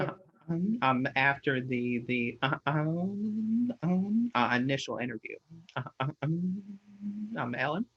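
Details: Stuttering in an adult man, a person who stutters, with frequent repeated words and filler interjections.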